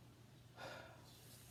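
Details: Normal breath sounds through a stethoscope, listening over the lower lobes of a child, possibly about two years old: a single soft rush of airflow over a steady low hum, with no crackles or wheeze.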